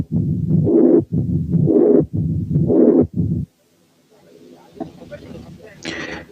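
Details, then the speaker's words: Teaching recording of a double mitral lesion with dominant mitral regurgitation and a calcified mitral valve: soft first sound, no opening snap, pansystolic murmur and mid-diastolic murmur. "بعد كده نسمع حالة تانية double mitral lesion فيها dominant mitral incompetence وcalcification of the mitral valve، فالفيرست ساوند ضعيف ومفيش opening snap وبس مسموع pansystolic murmur وميد diastolic murmur."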